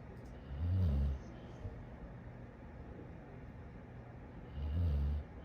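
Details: A very tired dog sleeping after a big day: two deep, low, rumbling snores about four seconds apart with quiet breathing between.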